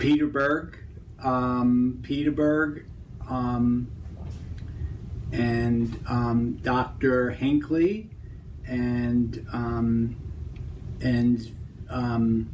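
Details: Example of Broca's (expressive) aphasia with word-finding difficulty and preserved comprehension; Broca's aphasia.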